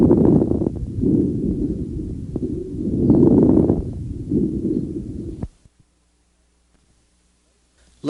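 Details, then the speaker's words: Late inspiratory crackles on stethoscope auscultation: fine crackles late in each breath in. They are typical of restrictive pulmonary disease, e.g. interstitial fibrosis, asbestosis, pneumonia or the pulmonary congestion of heart failure. "late inspiratory crackles are characteristic of restrictive pulmonary disease and may be heard in interstitial fibrosis asbestosis pneumonia pulmonary congestion of heart failure pulmonary sa"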